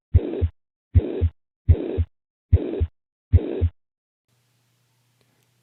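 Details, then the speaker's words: Five heartbeats at about 73 a minute, each with a high-pitched murmur filling the gap between the two heart sounds: a high-pitched systolic heart murmur. "here's an example of a high-pitched murmur"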